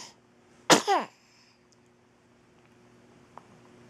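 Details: A single sharp, explosive burst with a brief falling tail from a cat, shown in slow motion, against faint room hum: a sneeze.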